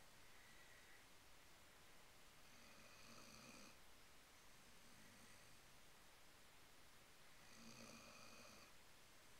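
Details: 11-month-old Weimaraner asleep on the couch after playing at the dog park, snoring like an old man: soft rhythmic snores with an airy hiss on each breath, about three over nine seconds; ordinary snoring.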